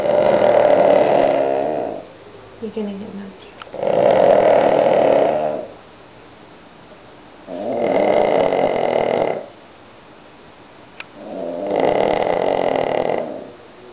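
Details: Cavalier King Charles spaniel asleep on a Sunday morning after its walk: loud, buzzing snores in long regular bursts, roughly 15 a minute, with quiet gaps; snoring.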